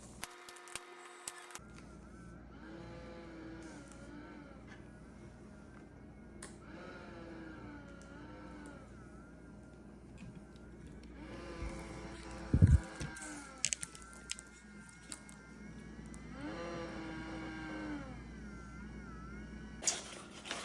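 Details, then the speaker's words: ResMed AirSense 10 CPAP: steady machine hum with a rising, wavering whine swelling with each inhalation when the mask is on, from a faulty motor later fixed by replacing it. "so this is a ResMed air sense tin and it's got a problem where it's kind of whining whenever I put my mask on let me show you what that sounds like"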